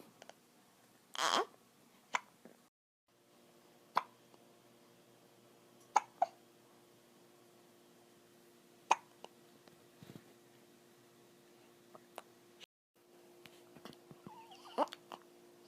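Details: 17-day-old male infant: repeated small, sharp hiccup sounds roughly every two seconds over a quiet background, about six in all; hiccups.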